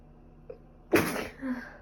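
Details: Person with a cold, allergic rhinitis, runny and stuffy nose and five days of fever: a small inhaled catch, then one sharp explosive sneeze in a quiet room.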